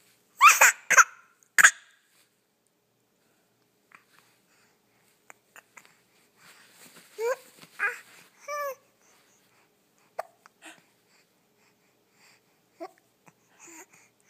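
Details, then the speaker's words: Baby boy with hiccups: three sharp, abrupt hiccup sounds in quick succession, followed by soft coos and small noises. "Do you have the hiccups? Those are the silliest hiccups."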